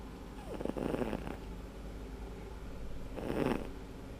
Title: snoring sphynx